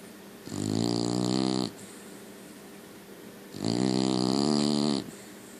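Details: Sleeping puppy: two drawn-out, buzzing snores on the in-breath over steady room hiss; dog snoring.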